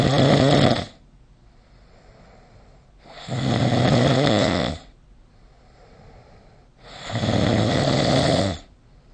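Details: Snoring recorded with the SnoreLab phone app: three loud, rough snores at a steady pace of about 16 breaths a minute, with quiet pauses between them. Typical sleep snoring.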